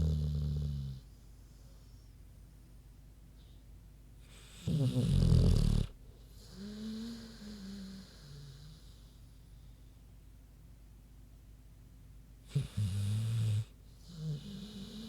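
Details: Deep, rough snorting snores with low grunts between breaths, from a big pig sleeping in a quiet room.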